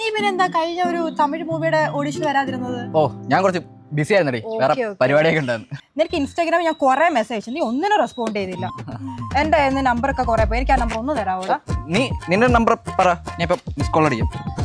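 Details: Adult actors in conversation; normal fluent speech.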